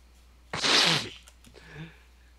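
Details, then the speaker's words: Sneeze sound effect in the video game Half-Life 2, not a real person: one loud burst of hissing breath with a voiced tail, then faint rustling. "tell me when it's working my balls it's impossible to crash the game by sneezing"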